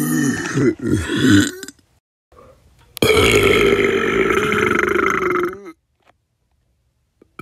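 One short burp, then a long, loud, drawn-out burp lasting nearly three seconds. Both are belches of swallowed air.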